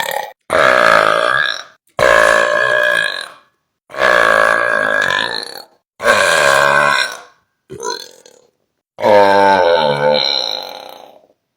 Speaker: If you're disgusted by burps, I'm going to attempt to make you fascinated by burps.